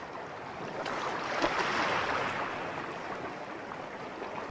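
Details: Ocean wave sound from a hearing aid's tinnitus therapy program.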